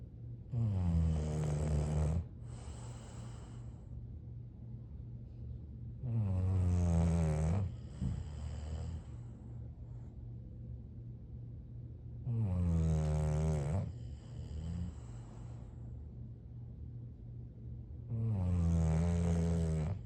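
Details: Sleeping English bulldogs snoring loudly: deep, resonant rattling snores, each with a softer whistling tail, about 10 a minute.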